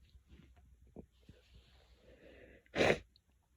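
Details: Quiet sniffing and a drawn-in breath, then one sharp sneeze; one of many sneezes.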